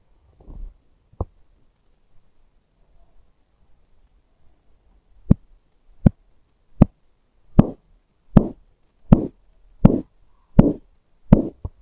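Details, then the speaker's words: Korotkoff sounds heard by stethoscope during manual arm-cuff sphygmomanometer reading, cuff inflated to 180 then deflated: regular soft thumps about 80 a minute begin after a quiet stretch and grow louder; systolic 130, diastolic 85. "the first time we heard a throbbing sound at 130 our systolic blood pressure is 130. the last time we heard a throbbing sound at 85 our diastole blood pressure is 85"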